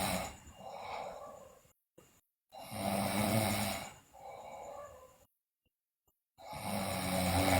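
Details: Sleeping girl snoring loudly, with bruxism and delirium reported: harsh, fluttering snores on each breath with quiet pauses, about three breath cycles in under eight seconds.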